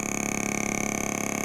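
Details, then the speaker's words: Adult woman with plantar fasciitis for over 3 years, vibration head run over the whole calf to loosen muscle before shockwave: steady rapid mechanical buzzing pulses; radial shockwave therapy device, vibration mode. "so it vibrates through and and creates some stimulation to the tissue we get good blood flow with this this isn't necessarily a shock wave this is just vibration"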